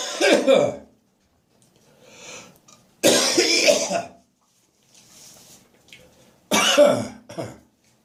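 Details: Morning productive cough after waking full of catarrh: three loud, harsh cough bouts with gagging and throat clearing, with quieter breathing and throat noises between them.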